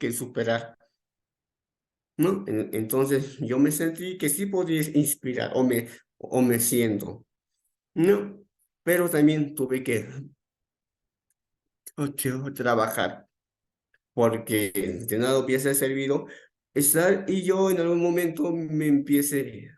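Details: Stuttering in an adult man, onset around age 7 and more noticeable from about age 11; he says it is uncontrolled on the day of the talk; real speech with repetitions.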